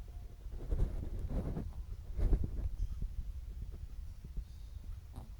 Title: my cat snoring #cat #catlovers